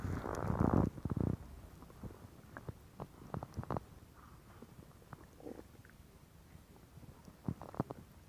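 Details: Gurgling rumbles with scattered short pops and clicks from the gut, gas and fluid moving through the bowel; ordinary stomach growling (borborygmi).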